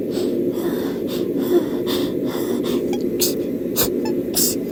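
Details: Person catching a cold, with unusually frequent sneezing: a rapid fit of short, sharp nasal sneezes, about eight in under five seconds, over steady engine-like background noise.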